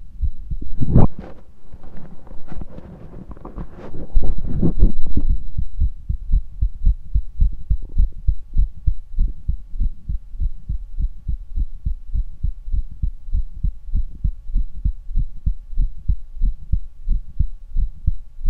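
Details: Heart auscultation through a stethoscope: regular low heartbeat thumps after a few seconds of scraping from chest-piece handling.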